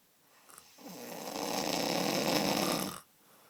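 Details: Snoring: one long, loud, rough fluttering snore on an in-breath lasting about two seconds, then quiet.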